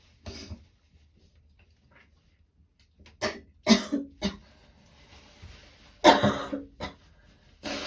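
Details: Several short, dry coughs and throat-clearing sounds with pauses in a quiet room, from a woman at the start of a cold with a sore throat and gagging; still a mild cough, recorded two days earlier.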